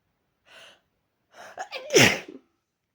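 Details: Person with a cold and a sore throat: a quiet breath, then a sharp inhaled gasp, followed by one loud, forceful sneeze.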